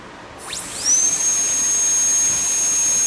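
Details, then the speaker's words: KaVo Super Torque 625C high-speed dental handpiece run on a flow meter during an airflow test, reading about 30: a rising whistle settling into a steady shrill whine at full speed. "Um, we've got a big KO here. Big blaster. This one's a KO Super Torque 625C."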